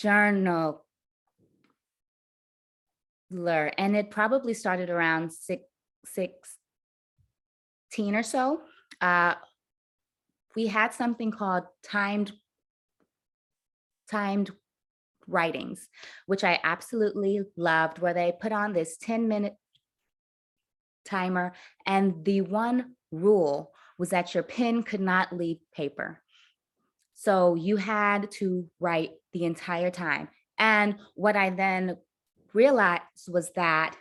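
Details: Adult woman who stutters; her stutter worsened under the stress of caregiving for her mother and grandmother with dementia, at times becoming nearly unintelligible; stuttering.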